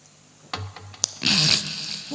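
After a few soft clicks, an adult makes one loud, rough, noisy snort lasting under a second: an imitated snore.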